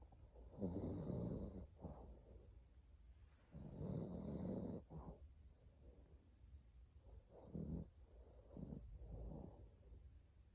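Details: Sleeping dog snoring with rough, rattling breaths and a short snort on each exhale, about 18 breaths a minute, in a quiet room.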